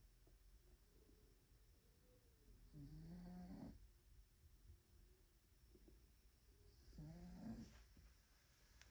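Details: Sleeping cat snoring: two low, buzzy snores, about 15 a minute, with quiet breathing between them.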